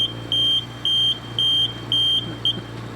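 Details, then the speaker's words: Home oxygen concentrator, simulated fault: flow drops to 0 because of a kinked or blocked tubing outlet. Repeated high-pitched low-flow alarm beeps sound over a steady machine hum. "Eventually this machine's going to pick up on that and start to alarm. So if the machine is running, there's power, but they're moving this dial and it will not move, that alarm's going off, and they've got a kink in the tubing."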